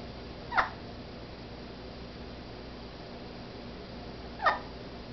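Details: Cat with hiccups: two brief, sharp chirping catches about four seconds apart over quiet room noise.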